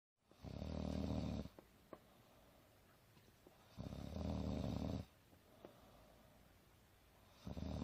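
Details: Adult woman napping on a couch, snoring: loud, low, rumbling snores about every 3.5 seconds, around 17 a minute, with quiet stretches between.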